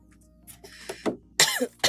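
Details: Adult woman, unwell with a hoarse voice and not yet seen by a doctor, gives a short run of three or four harsh coughs over faint background music; acute cough.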